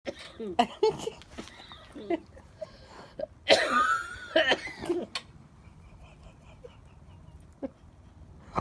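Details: Several abrupt bursts of breath noise from an adult woman, a couple forceful and explosive, amid quieter breathing: sneezing with some coughing.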